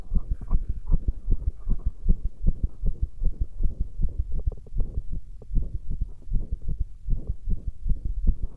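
Deep, thudding heartbeat with a steady lub-dub pattern at roughly 75 to 80 beats a minute.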